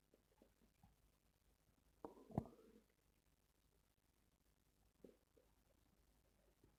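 Quiet room with a brief low gurgling rumble and a few faint softer gurgles; ordinary stomach growling.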